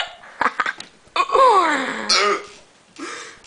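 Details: 18-year-old male, drunk at 5:45 am after clubbing and hookah, with hiccups for half an hour and cold sweats: short throaty bursts and a voiced, gulping hiccup-like sound with brief vocal noises; throat clearing with hiccups.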